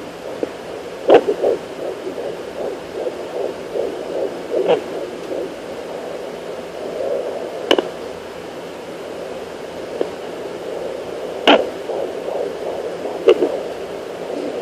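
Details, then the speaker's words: Fetal heartbeat on home Doppler at 16 weeks 5 days of pregnancy: fast rhythmic whooshing pulses, broken by loud knocks as the active baby boy moves and kicks the probe while mother searches. "this is me i'm moving so that noise is me trying to find his heartbeat but he keeps moving there's the heartbeat"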